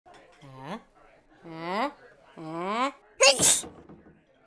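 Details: Animated avocado character's epic sneeze, simulated and not a real person: three rising voiced 'ah' build-ups, then one loud explosive sneeze.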